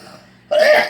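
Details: A single sharp cough after a quiet start, while eating a fried fish sandwich, from food or juice going down the wrong way.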